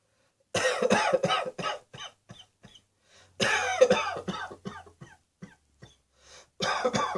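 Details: Two bouts of rapid, harsh coughs, each starting loud and trailing into fainter coughs, then a third bout beginning; acted coughing fits.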